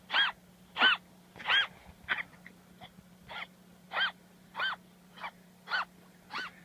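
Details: Miniature dachshund with about eleven rapid, whistling, wheezy coughing bursts in under seven seconds. A vet diagnosed bronchitis, treated with antibiotics and dog cough syrup, and the dog fully recovered.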